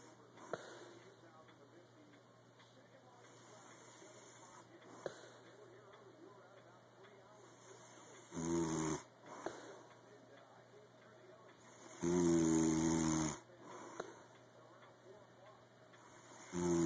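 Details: Intermittent loud, rough snoring breaths a few seconds apart with faint breathing between, in a quiet room, described as happening every night; snoring during sleep.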